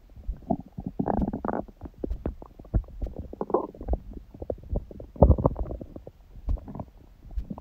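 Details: Own abdomen recorded after a large first meal at 16:00 following fasting on water only since 19:00 the previous day, and after ab workout; frequent gurgling, bubbling rumbles with short squeaks and pops: normal active bowel sounds.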